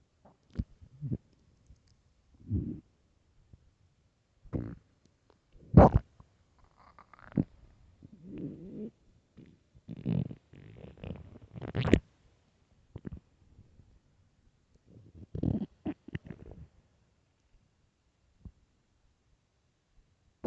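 Irregular low gurgles and rumbles come and go with quiet gaps between them; stomach growling from hunger, a normal bowel sound.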